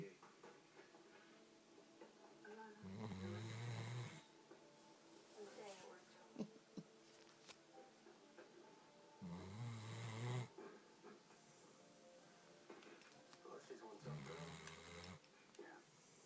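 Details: Sleeping puppy snoring about 10 minutes after a long walk: three low, rattling snores on slow in-breaths separated by quiet pauses, over faint background talk.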